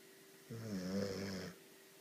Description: Like almost every night, our 2y old Magyar Vizsla Diva is snoring on our couch